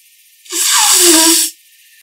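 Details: Adult couple sneezing; a short intake of breath then a loud, hissing, breathy burst about a second long: sneeze.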